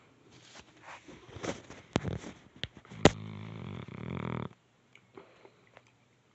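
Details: Sleeping dog snoring: irregular snuffling breaths with a louder rattling snore.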